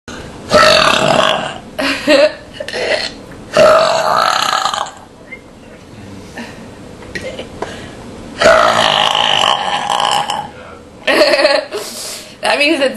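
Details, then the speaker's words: Series of loud, prolonged belches after drinking soda and eating at home, one somewhat muffled, others rumbling and voiced, separated by brief pauses; burping. "good. That one's kind of muffled. I can do better. See, that's the benefit of eating at home. You can burp out loud."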